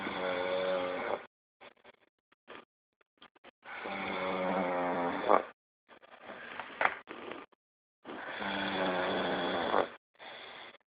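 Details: Person snoring: loud, buzzing snores on each inhalation, about 15 breaths a minute, with quieter breathing between.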